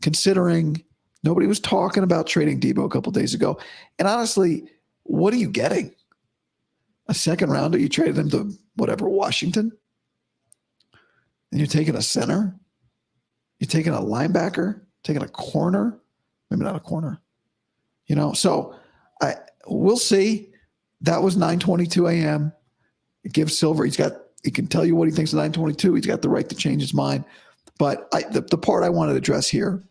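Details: Adult man, about five to five and a half weeks after vocal cord surgery; he reports daily improvement, though today likely unchanged from yesterday after heavy voice use and no sleep. Dysphonia after vocal cord surgery.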